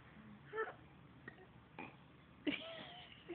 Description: My 3 yr old belching every time he hiccups